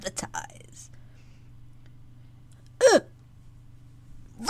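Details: Vocal tics in a woman with Tourette syndrome and echolalia, mimicking environmental sounds, in genuine outtakes from a voice-over recording session.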